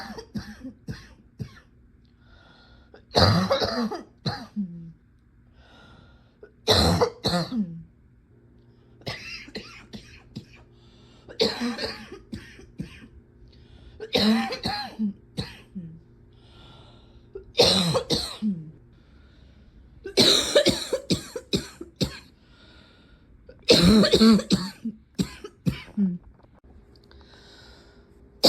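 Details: Adult's repeated harsh, barking coughs with a slightly crackly, faintly moist edge, in a quiet room; a cough that is almost never wet, and this is as wet as it got.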